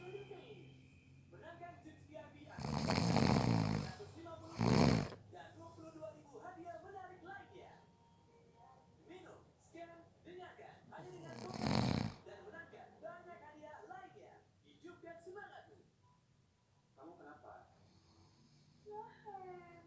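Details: Person who fell asleep within about 30 seconds; two loud, rough snores a few seconds apart with a snorting catch between them, soft background talk in the room; ordinary snoring.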